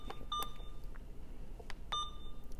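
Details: Alaris 8120 PCA pump module on the Alaris point-of-care unit, with the user pressing the channel select and options keys to view patient history: two short, clear electronic keypress beeps about 1.5 seconds apart over faint room noise.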